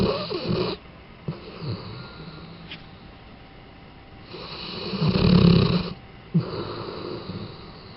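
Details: Low rattling snores on each breath in a quiet room, with a loud drawn-out snore midway; ordinary snoring.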